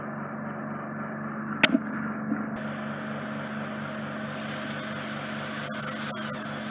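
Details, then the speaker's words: Ear microsuction of a large, deep impacted wax plug in an adult man's right ear canal, causing reduced hearing; wax is drawn through a narrow entrance. Continuous hissing suction with brief clicks and crackles. "so I'm policing the wax and bringing it in towards entrance but you enter its marrow except I'm getting a large piece of wax through a narrow entrance so I'm supposed to wriggle at it it is coming out there"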